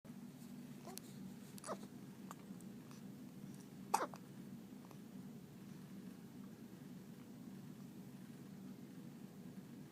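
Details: Faint, short, sharp hiccups at irregular intervals over a steady hum, one more distinct than the rest; hiccups.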